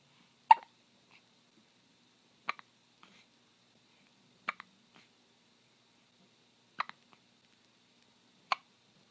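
Five sharp, abrupt hiccups about two seconds apart, each a short clicking catch, in a quiet room; ordinary hiccups.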